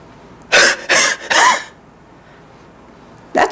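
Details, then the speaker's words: Demonstration of huff coughing for airway mucus clearance in COPD: deep breath, then three forceful, open-mouthed, breathy huffs in a row with upper-body squeeze, and another starting. "take a deep breath filling the lungs squeeze the upper body muscles and with several forceful huffs push out the air in your lungs repeat a few times until the mucus is cleared from the airway it's like this"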